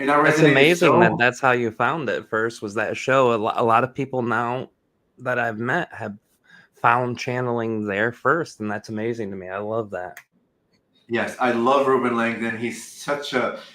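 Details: Adult speaker; typical speech.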